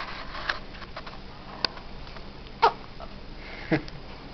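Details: Dog with hiccups: short, sharp catching sounds about once a second.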